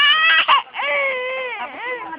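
A baby crying in loud, high-pitched wails with a brief catch between bursts; an ordinary infant cry.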